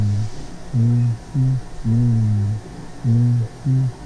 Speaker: transmisión de la voz así el tórax en un paciente con pulmones normales cuando dice las palabras noventa y nueve